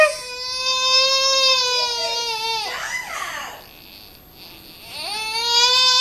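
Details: Loud, high-pitched wailing cry from an infant while dad plays with the baby, with a brief pause for breath before the crying resumes; an ordinary baby cry.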